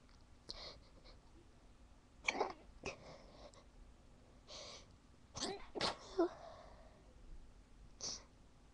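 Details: Several short, muffled bursts of sneezing, some held back, with quiet breaths between; attempted stifled sneezes that ended up failing.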